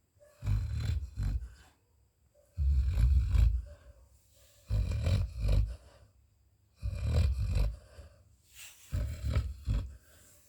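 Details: Labrador dog snoring while asleep: loud, deep rattling snores in regular bursts, about five in ten seconds, with quiet gaps between.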